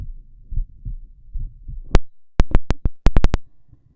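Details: Low muffled thumps, then a run of sharp, loud beats with brief gaps: normal heart sounds on auscultation with the patient in the left lateral decubitus position; no abnormality noted.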